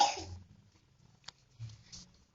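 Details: A young child who is ill with a cough coughs, with a strong burst at the start and a couple of weaker follow-up coughs.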